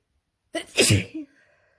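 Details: A single forceful adult sneeze, quick in-breath then explosive burst, during a real-time spring allergy sneezing fit after hours with the window open.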